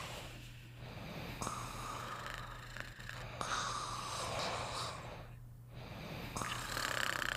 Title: Fafa and Beethoven Sleeping and Snoring Together